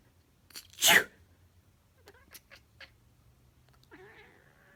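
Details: Sneezing: one sharp sneeze by the owner, then soft chattering clicks and a short meow from a black cat that talks after sneezes or coughs.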